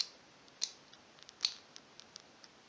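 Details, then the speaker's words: Nursing subcutaneous injection lesson: after attaching needle and purging two units, the insulin pen dose is dialed, giving several small sharp clicks of dose selection before injection. "Purger deux unités. Sélectionne la dose à injecter."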